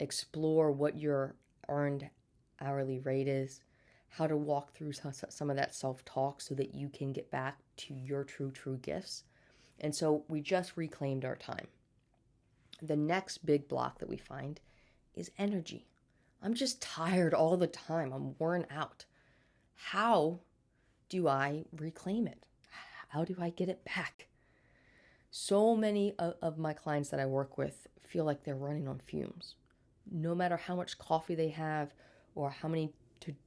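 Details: Stuttering in an adult woman who has stuttered since birth, had speech therapy throughout childhood, and still stutters day to day.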